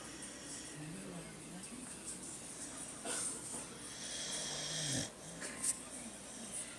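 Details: A sleeping beagle snoring: soft, irregular, snuffly snores with a faint whistling tone over room noise.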